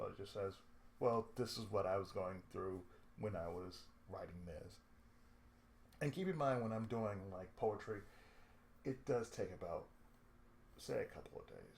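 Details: Adult man with cerebral palsy, who reports speech problems since childhood and a lisp at times; dysarthric speech associated with cerebral palsy.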